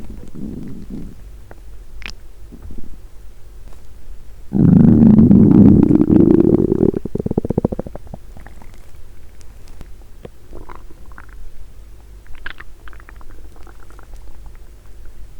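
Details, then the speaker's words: Woman's stomach recorded with a microphone on the abdomen the day after finishing a 7-day fast, while hungry: a long, loud low gurgling rumble fading into softer bubbling and clicks; hunger borborygmi. ""Maybe you can hear the sound of hunger." "Put your mic here". The sound of my intense hunger roared early on."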